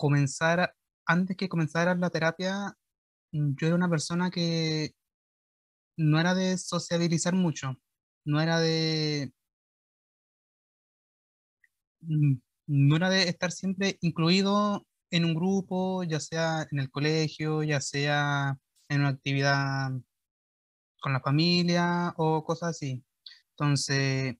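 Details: 21-year-old Chilean man speaking Spanish, real recording, who underwent speech therapy for his stuttering; stuttering.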